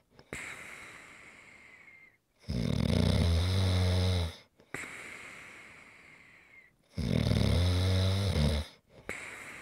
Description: ASMR - Great snoring sounds to rest and relax to.